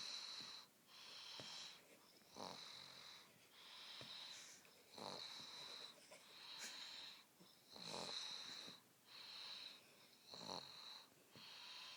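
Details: Rhythmic, high-pitched whistling snores with each breath in and out, quick and steady, from a sleeping small animal; snoring recorded in the dark.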